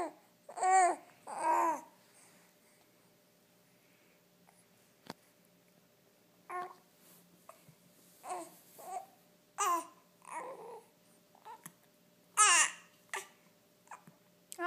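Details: Infant during tummy time: soft, musical vowel-like coos in bursts with pauses, with hiccups also mentioned; normal early vocal play.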